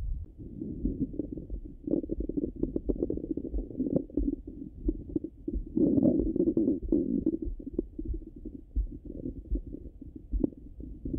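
Frequent gurgles and rumbles from the abdomen through a stethoscope, with a louder run of gurgling midway; ordinary active bowel sounds.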